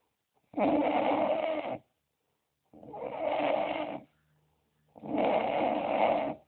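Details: Snoring problem: three long, rough, rattling breaths about two seconds apart, separated by silent pauses; loud snoring.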